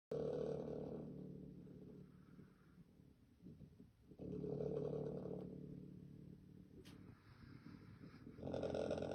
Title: Some snoring for your listening pleasure